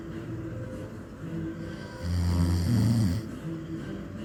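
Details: Single loud, low rattling snore on an in-breath from an old man, with faint background noise before and after; snoring.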